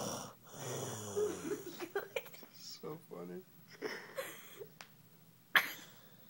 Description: Somebody is a little stuffed up in the nose...